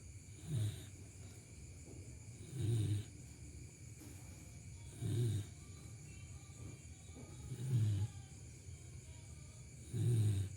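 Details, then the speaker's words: Overweight sleeping dog snoring in regular low, rumbling bursts, about 24 a minute, like a person snoring. "Kayak orang juga ngorok [tertawa] ngoroknya lucu anjir."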